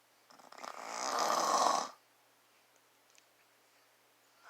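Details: Father snoring: one rising, rough, rattling snore lasting about a second and a half on an in-breath, then quiet.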